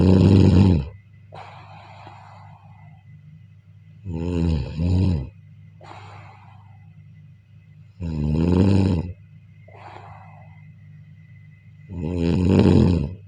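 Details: Loud rattling snores on the in-breath alternating with soft airy out-breaths, about 15 breaths a minute, in a quiet room during sleep: snoring.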